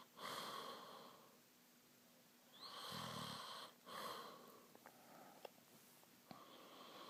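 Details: Light snoring during sleep: breathy, whistling breaths, one with a short low snorting rattle, followed by faint clicks.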